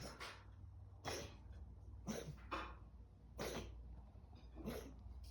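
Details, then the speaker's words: Male cat diagnosed with asthma last week, possibly with pneumonia, first thought to have a hairball: a run of short, dry, hacking coughs; feline asthma cough. "Our cat was diagnosed with asthma last week. We thought it was a hairball that he had, but it was actually asthma that he was diagnosed with, we think, along with potentially pneumonia."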